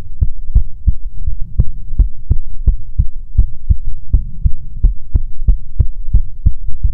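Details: Heartbeat recording for ASMR: steady, regular low thumps with a soft hum underneath; ordinary normal heartbeat.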